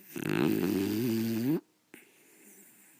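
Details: A sleeping beagle snoring downstairs, loud enough to wake the owner behind a closed bedroom door; one loud drawn-out rattling snore of about 1.5 seconds, then quiet room noise.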